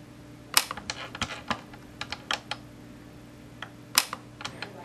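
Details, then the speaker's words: YAG laser vitreolysis of a C-shaped Weiss ring eye floater, treated from its end; energy weakening as the floater is pushed further back: sharp, irregular clicks of single laser shots over a low steady hum. "one of the things that happens with these is the laser Energy starts kind of pushing a little bit further back and further back and I can see the energy is becoming a little weaker"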